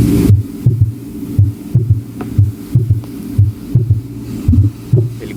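Regular low heart thumps at about 60 a minute, each preceded by a soft extra beat, a fourth heart sound (S4) gallop, over faint background hum.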